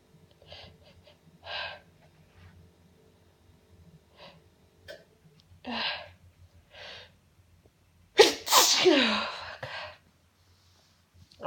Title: Only nonstop sneezing